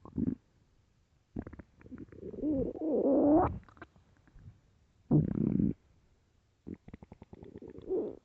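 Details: Extremely loud gurgling, rumbling and squeaking stomach growls in irregular bursts from an empty stomach; borborygmi.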